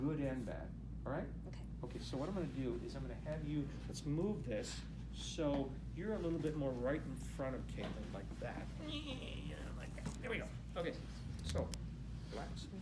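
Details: Adult male clinician speaking; Plain speech.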